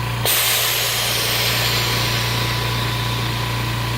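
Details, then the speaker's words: Homemade DIY oxygen concentrator with its compressor switched on and a cooling fan beside it: loud, steady mechanical hum and hiss starting abruptly; oxygen concentrator compressor running. "i'm gonna i'm gonna go into the compressor and this will get it going we're also using a cooling fan next to the compressor"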